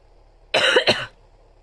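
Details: Two harsh coughs in quick succession from an adult woman who has coughing fits whenever she tries to speak and has trouble talking; coughing fit.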